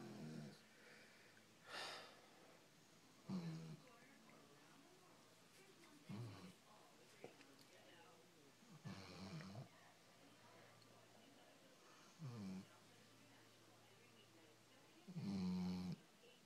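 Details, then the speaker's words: Sleeping puppy (dog) snoring on a Saturday morning: rhythmic rattling snores, about six breaths in sixteen seconds, roughly 22 a minute, with quiet gaps between. "That's Biscuit. Snoring away. Dog that snores. It's great, isn't it?"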